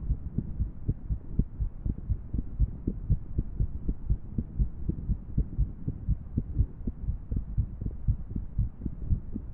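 Fast, dull thumping heartbeat, roughly 120 beats a minute, with uneven spacing between beats, an irregular heart rhythm.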